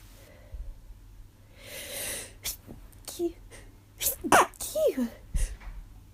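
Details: Repeated forceful sneezes with gasping in-breaths between them, in a small room; person first thought allergies, now has sore throat and headache and suspects something more.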